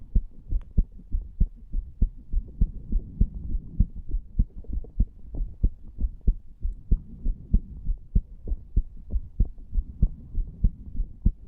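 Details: Regular, low thumping heartbeat at about 97 per minute with no clear murmur, recorded over the tricuspid area (lower left chest) in a 34-year-old male lying on a bed after smoking nicotine from a cigar and "green stuff"; heart sounds.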